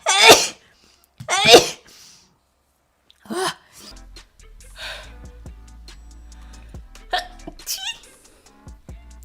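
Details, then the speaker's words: Person with an itchy, irritated nose who mentions allergies: two loud sneezes, then a softer third, with quiet room noise and a low hum; repeated sneezing. "I have to sneeze. My nose is very itchy and irritated. I don't know why."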